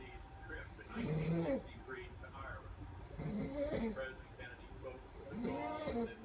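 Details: Snoring recorded 11/01/15: three loud, rough, vibrating breaths about 2 seconds apart with quiet gaps, roughly 27 a minute; ordinary snoring.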